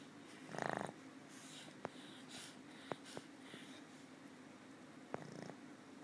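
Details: Old female pug that sleeps most of the time and snores habitually: short, rattling, snort-like snores while asleep, with faint clicks and room noise; snoring.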